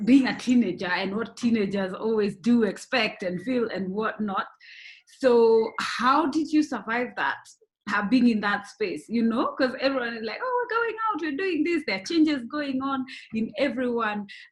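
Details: Adult woman speaking; typical speech.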